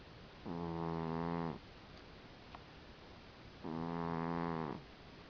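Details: Snoring from a sleeping cat: two steady, buzzing snores about three seconds apart over a low hiss.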